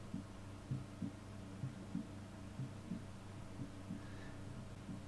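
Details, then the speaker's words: Soft paired lub-dub heart sounds, about 65 beats a minute, over a steady hum, recorded from the chest with a homemade DIY digital stethoscope probe. "you can cut you can see the the heartbeats here so you can see there's two and that sort of is because when the heart squeezes"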